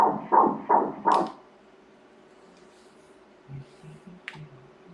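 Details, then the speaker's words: Fetal heartbeat on Doppler ultrasound at 13 weeks of pregnancy: a brief run of fast, regular whooshing pulses at 160 beats per minute, normal. "the heart rate is at... 160 beats per minute"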